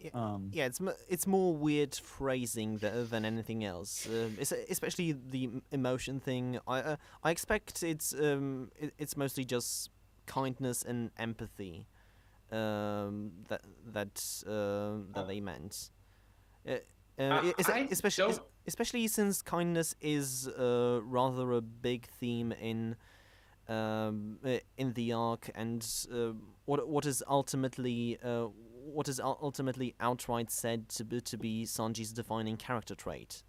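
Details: Stuttering in a male podcast host who describes himself as a stammerer.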